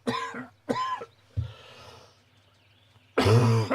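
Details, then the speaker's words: Adult man with a worsening cough and a failing voice during a livestream: four harsh, voiced, short, throaty coughs with quiet breathing and faint room noise between them. "Anyway, ah, I'm going to wrap it up there, folks, cuz that cough is getting worse."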